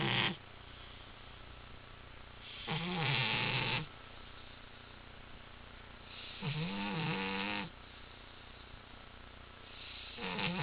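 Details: Napping pet cat snoring loudly in slow, rattling bursts, about three in ten seconds, with quiet pauses between; snoring.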